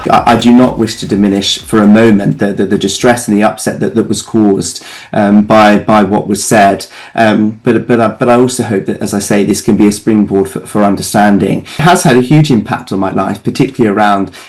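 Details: Adult man living with Tourette syndrome, a Tourette charity's vice chair, speaking in an interview; his speech shows frequent word repetitions.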